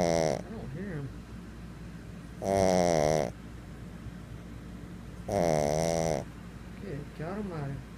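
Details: Pug dog sleeping: loud, rattling snores on the in-breath, about three in eight seconds, with softer gurgling out-breaths between; snoring.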